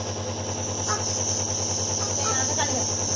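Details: Steady hiss with a constant low motor hum and faint voices in the background: a nebulizer running, used for cough, cold and asthma in children and adults.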